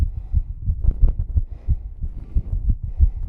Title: Struggling Female Exercise Heartbeat (w/heavy breathing + 1k special!)